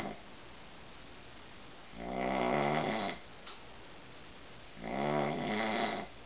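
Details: Two loud, rattling snores on inspiration about three seconds apart from an adult man (a father) asleep, with quiet room noise between: snoring.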